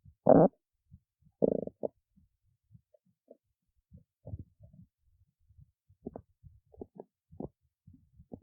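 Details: Low gurgling and rumbling stomach growling in bursts, with scattered small squeaks and pops; ordinary borborygmi.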